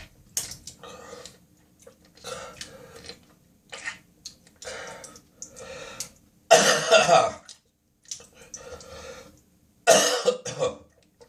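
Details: Coughing spasm at 4 a.m., recorded on a smartphone in the bathroom with gagging and spitting: repeated throat-clearing hacks and two strong harsh coughs with retching quality.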